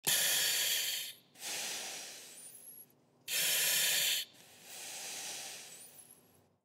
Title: oxygen mask breathing sound effect | breathing on oxygen mask sound